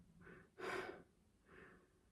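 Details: An adult with a damaged voice after a tracheostomy, struggling to breathe while talking: three noisy breaths in a speech pause, the middle a loud, rushed intake of air.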